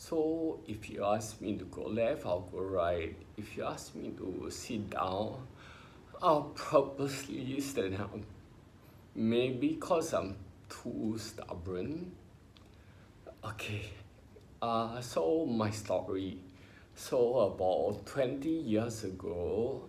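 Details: Adult man with spinocerebellar ataxia, diagnosed by a neurologist about 20 years earlier, in his early twenties; has had speech therapy; ataxic dysarthria.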